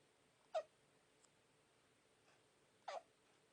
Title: A baby hiccup while sleeping..